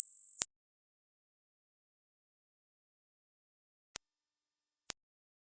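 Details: Mosquito-ringtone hearing test: brief very high-pitched steady tones at 8, 12, 15 and 17.4 kHz separated by silence, each labelled with the age group expected to hear it.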